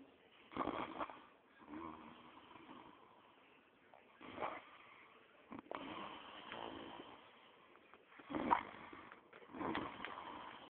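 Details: A man snoring: soft, rough snoring breaths roughly every two seconds in a quiet room.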